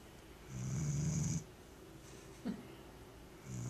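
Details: Sleeping Vizsla dog recorded with a Flip Video camcorder: a low, rumbling snore on one breath in, a softer snort, then the next snore starting; snoring.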